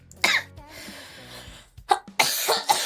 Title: Girl coughing 280